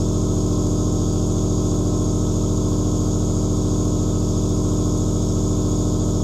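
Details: Steady loud buzzing hum of a compressor motor with fast even pulsing: a nebulizer producing aerosol, running.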